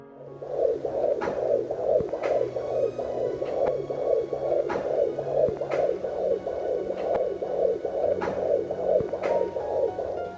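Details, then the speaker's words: Fetal Doppler (COFOE JDB-100A) on pregnant abdomen, probe with coupling gel, mother lying flat: fast, regular whooshing like blowing wind or running water, device reads around 30; umbilical cord blood flow. "起血流是节奏比较快的，像吹风或者流水一样的声音。"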